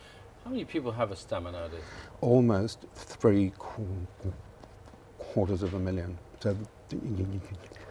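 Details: Adult male presenter; fluent speech.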